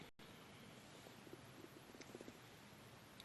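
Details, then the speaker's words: Adult's bowel sounds (borborygmi) while taking strong antibiotics: soft bubbling, gurgling rumbles from the belly. "us entendez des gargouillis, c'est normal. C'était ça aussi, le on se tait, c'est que j'ai mon ventre qui fait des siennes."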